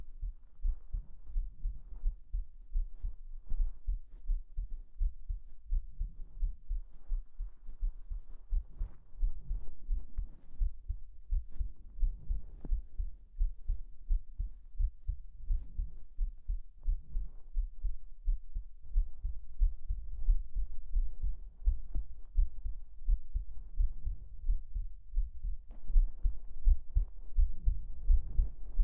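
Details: Heartbeat ASMR recording with lots of blanket-rustling, as if hugging under a futon: steady, muffled heartbeat about 85 per minute with soft fabric rustling throughout.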